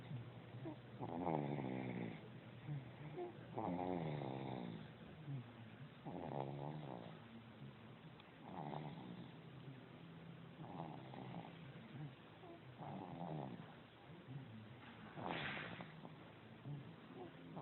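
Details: Sleeping dog snoring: repeated rough, buzzing snores roughly every two to three seconds, soft to moderate level.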